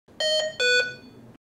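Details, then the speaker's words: Low-priority alarm on a HAMILTON-T1 ventilator (software 2.x, same on C1/MR1): two short tonal beeps, the second slightly lower, not repeated, unlike repeating medium and high-priority alarms. "a low priority alarm is just two sequences of beeps that's not repeated"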